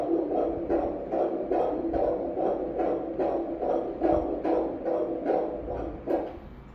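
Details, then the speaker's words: Normal fetal heartbeat on Doppler during a second-trimester morphology ultrasound, with a normal four-chamber heart and the baby in a sitting position: rapid, regular whooshing pulses at 146 beats per minute. "Certinho, a frequência cardíaca 146. Coraçãozinho perfeitinho."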